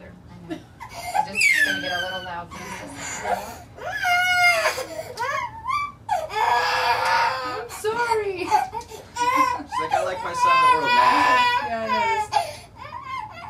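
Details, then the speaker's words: 14-month-old girl crying as her bilateral Cochlear Freedom cochlear implants are first switched on: loud, rising and falling cries with sobbing breaths and some adult talk, a common reaction to activation. "you get most kids crying at it very common it's very rare that they don't it's scary CU you're hearing this sound in your head and it's you know you haven't heard anything"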